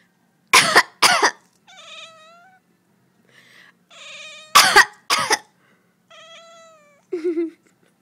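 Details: Adult coughing: two pairs of sharp coughs, each followed by a cat's drawn-out meows.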